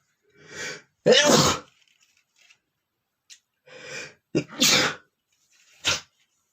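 A run of loud, forceful sneezes, each with a sharp explosive burst after a brief indrawn breath; about four sneezes.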